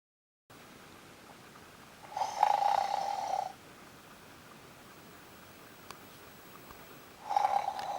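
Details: Incessant snoring keeping another sleeper awake: two rasping, mid-pitched snoring breaths separated by a few seconds of quiet room hiss.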